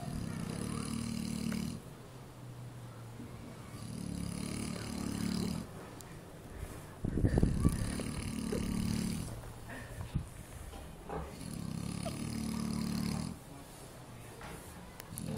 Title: Snoring piggy